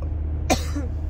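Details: Adult passenger in a moving car gives a single short cough over the steady low rumble of the car interior.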